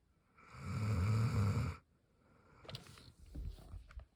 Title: She snores while half asleep